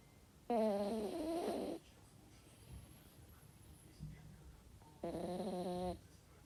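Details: A sleeping toy terrier dog snoring: two long, buzzing snores with a whistling, nasal edge, separated by quiet breathing.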